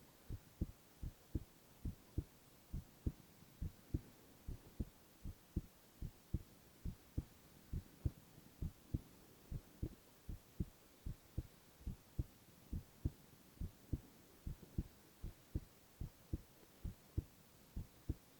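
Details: Boy's heart sounds, ASMR recording: steady, regular low thumping heartbeat at about 75 beats a minute; normal heart sounds.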